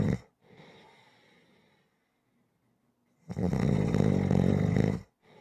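A loud, fluttering, rattling snore on the in-breath, with quiet breathing before and after.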